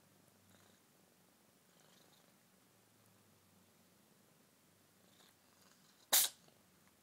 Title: Cat sneeze